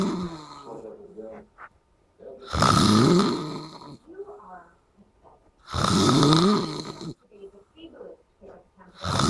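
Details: Person snoring after a night out: heavy, rattling snores on each breath, about 18 a minute, with quieter gurgling sounds between them; snoring.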